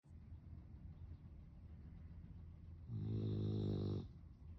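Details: Sleeping dog that snores a lot, napping in her favourite position: soft noisy breathing, then one loud, buzzing snore lasting about a second; snoring.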